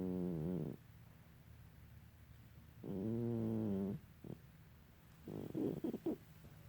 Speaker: Hi, Mama. Did you know you was snoring?